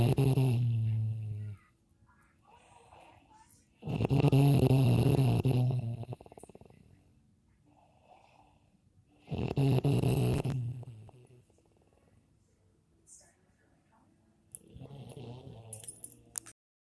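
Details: Three loud, rough, low rattling snores a few seconds apart, with quieter breath sounds between, from a sleeping brother; heavy snoring.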